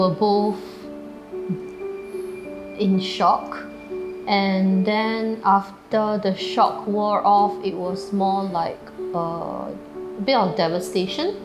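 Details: Adult woman speaking; typical speech.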